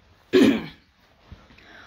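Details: A person coughing in the background during a live chat: one short, harsh burst of cough or throat clearing, then quiet room noise.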